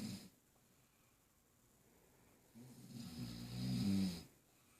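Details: A person snoring with a baby moving nearby: a brief throaty noise, a long quiet stretch, then one low, rough, vibrating snore during sleep in a quiet room.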